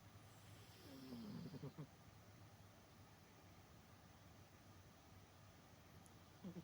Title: Tuxedo cat snoring nap time! (Cat cam series)